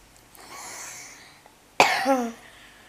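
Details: Adult woman, ill, reading a bedtime story: soft in-breath then one sharp cough with a brief voiced tail; plain cough.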